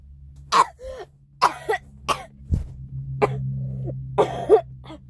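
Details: A person coughing violently: a run of about five sharp, forceful coughs, several ending in a brief voiced groan, over a low hum.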